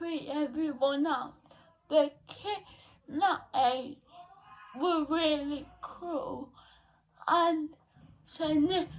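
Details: 17-year-old female with cerebral palsy since birth, diagnosed at 14 months, affecting her speech, speech therapy from an early age; dysarthria (cerebral palsy).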